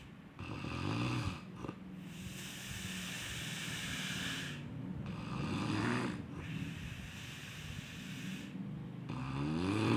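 Loud, rough, rattling snores on long breaths with brief pauses between them; typical snoring.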